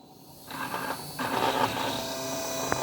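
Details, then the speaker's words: Final osteotomy drill during dental implant placement on a 3D-printed patient model, run slowly down to the stopper at bone level: low, slow motor hum with a brief pause, then steady running. "Next we take the final drill. Lock it into position and again go back, and we go to the osteotomy site"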